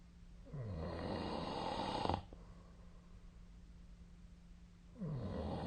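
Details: Loud, rough, low-pitched snore on breathing in, then a quiet pause, recorded during sleep with a snore-tracking app on 2025/02/10; the sleeper also sneezed while asleep; snoring.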